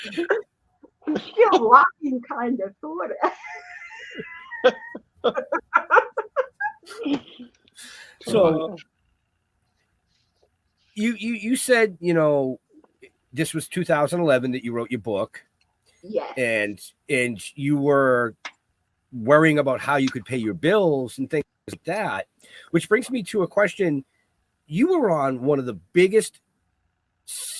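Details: Adult woman with cerebral palsy who also has a 75% hearing loss and wears hearing aids; dysarthria.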